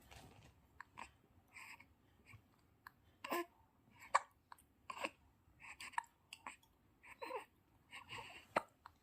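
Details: Repeated short, soft gulping catches at irregular intervals in a quiet room from a newborn baby boy, his first hiccups.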